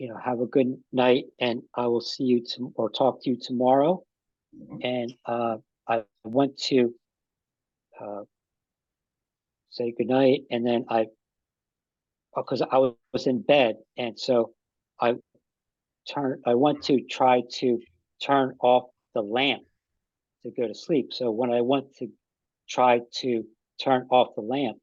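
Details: Man with aphasia after an ischemic stroke that occurred together with a heart attack about five and a half years earlier; aphasia is his main post-stroke challenge.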